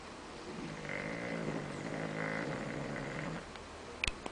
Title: Bulldog roncando Bulldog Snoring